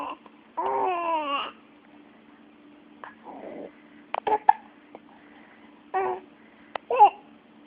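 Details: Hiccups from a male, likely a child.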